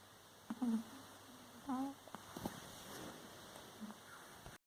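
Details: Puppy (pug per listener) snoring while asleep: a few faint, squeaky, whistling snorts over quiet room hiss.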